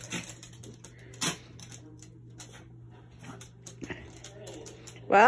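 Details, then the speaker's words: Dogs having a sneezing fit from the smell of vinegar and sugar cooking for pickles: several short, sharp nasal bursts against room hum, ending in a yelp-like sound. "when i come in here the dogs come in and then they sneeze and get crazy"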